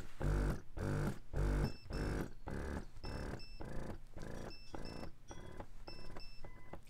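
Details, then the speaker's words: Spectra Synergy Gold double electric breast pump running in stimulation mode at its loudest setting, external mic pointed at pump: rhythmic mechanical pumping with motor hum and tonal whines, about 105 cycles a minute. "then into expression mode this is the loudest so as you can hear there's a noticeable difference between cycle rates and noise level so that's a look at the noise of the synergy gold"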